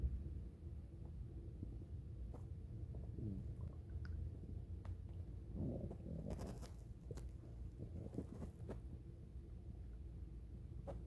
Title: Ambient stomach growling